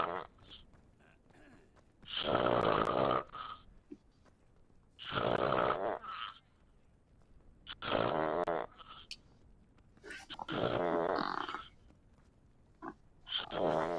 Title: Snoring in COD WWII Headquaters LOL